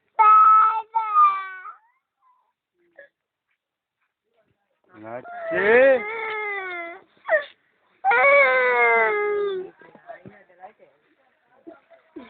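A young child cries in several loud, wavering bursts separated by pauses and small whimpers; ordinary crying.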